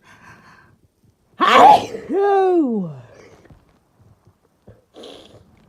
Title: Really desperate sneezing